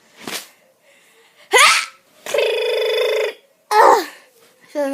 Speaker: Today I'm going to be showing you my sneeze because I have a really weird sneeze, so I'm just going to show it to you guys.